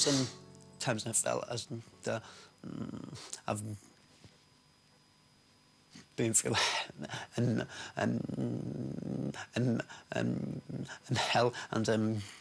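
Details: Adult man with a severe, lifelong stammer; stuttering.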